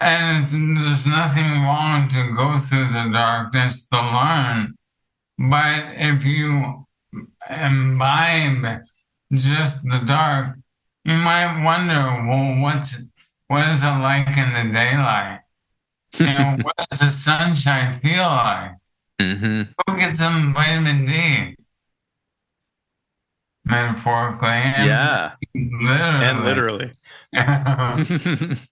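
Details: Adult male with ALS affecting his vocal cords, making it difficult to talk for long periods; dysarthria (ALS)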